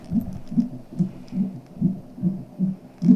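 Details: CTG monitor at a pregnancy check-up with about 6 weeks to go, seventh baby, straps on and fetus kicking: rapid, regular whooshing pulses at about 140 beats a minute, fetal heart rate in the normal range.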